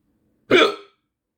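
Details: Single sharp voiced hiccup, a sudden gulping catch of breath cut off abruptly, in a quiet room, during a 15-minute bout of hiccups.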